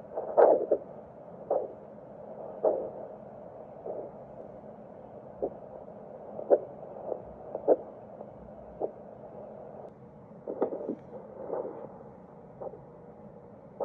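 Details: Handheld vascular Doppler over the daughter's facial arteries (labial, facial, infraorbital, supraorbital, supratrochlear) to check flow, as in suspected filler occlusion: rhythmic whooshing pulses about once a second. Normal pulsatile arterial flow.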